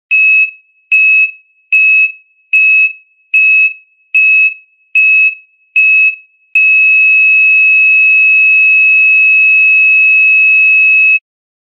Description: Heartbeat Flatline Sound Effect. Heart Monitor Flatline.